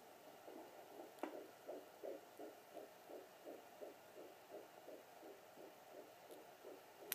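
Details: Fetal heartbeat on a Sonoline B fetal Doppler used at home for the first time: rapid, regular whooshing pulses, displayed at about 148–160 beats a minute.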